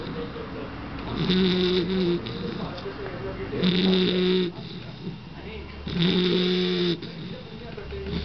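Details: Sleeping Bull Terrier snoring: regular nasal snoring with a squeaky, whistling tone on each breath, about 26 breaths a minute.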